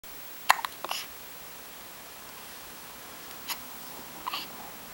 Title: Baby Hiccups